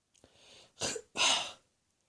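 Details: Woke with a sore throat, coughing began shortly after, possibly start of a summer cold; soft throat-clearing then two harsh, dry coughs in a quiet room.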